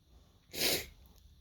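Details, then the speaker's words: Single sharp, explosive sneeze with a hissy burst of air, one of repeated morning sneezes after waking up sneezy. "got the sneezes today woke up so Sneezy"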